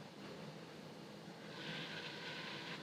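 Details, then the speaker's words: Vapotherm high-flow nasal cannula machine in an emergency department starting up: steady rushing airflow growing louder and hissier as water flows through the circuit, showing it is working. "once you've got your settings plugged in you'll just hit this again and you can probably hear it it is start up you'll see the water flowing through the circuit that's how you know it's working"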